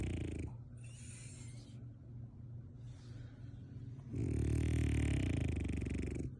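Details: Sleeping French bulldog gives loud, rough, rattling breaths, with quieter hissing air between heavy rumbling inhalations; snoring.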